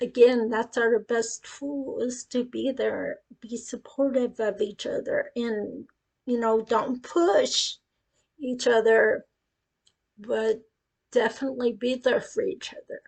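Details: Adult woman with acquired cerebellar ataxia that began after a brain tumor at age 18, first said to be non-progressive and now deteriorating; she reports her speech is affected; ataxic dysarthria.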